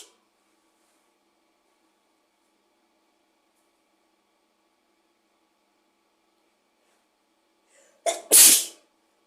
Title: Induced sneezes 💕